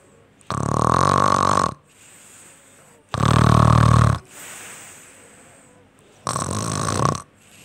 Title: Snore Sound Effect Vlog